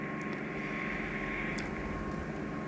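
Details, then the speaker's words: Steady loud rushing hiss with a constant whine as a suction tube, guided with an endoscope, removes wax caked onto the ear canal wall around bends; ear microsuction by a nurse. "you know sometimes you got to put the tube in and literally uh stretch the air open a little bit uh either with the endoscope or the suction tube itself or both cuz it's literally caked in isn't it it's caked onto the canal wall"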